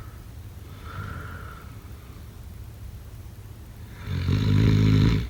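A loud, rough snore on a breath in, following quieter breathing, with some room noise.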